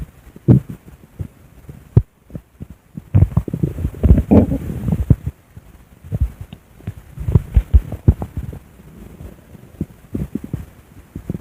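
Low irregular gurgles and rumbles in bursts; ordinary stomach growling from gas and fluid moving through the gut.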